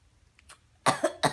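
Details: Cat coughing: after a quiet moment, a quick run of three sharp, harsh bursts close together.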